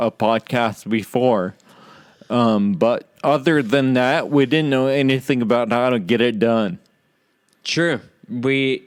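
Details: Adult man with Friedreich's ataxia, which causes slurred speech said to be audible in his talk; dysarthria (slurred speech) due to Friedreich's ataxia.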